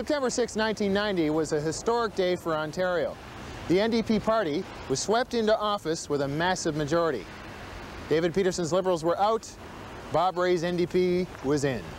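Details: Adult male narrator; ordinary speech.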